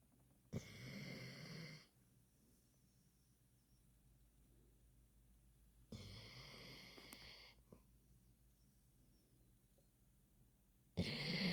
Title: My stomach wakes up the snoring puppy.